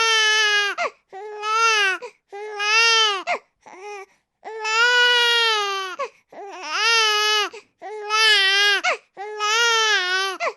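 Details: Infant crying from a baby sound-sample recording: loud, rhythmic, clear, high-pitched cries in repeated bursts with brief breaths between.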